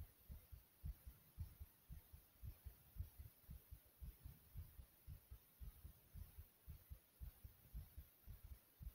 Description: My heart was beating very quickly here due to various exercises.